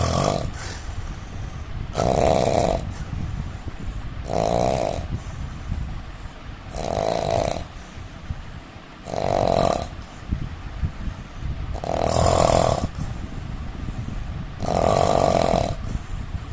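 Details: Loud, regular snoring from an Indian adult man: six harsh snores on inspiration, about 22 breaths per minute, with steady background noise and a sound-quality problem; snoring.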